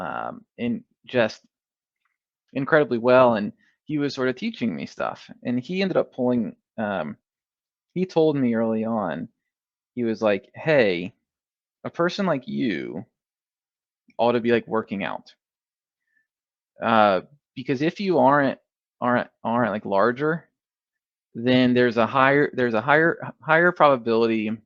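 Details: Adult male who has stuttered since early childhood, first noticed in first grade, now in the MPI2 therapy program; repeated part-words and whole words heard: stuttering.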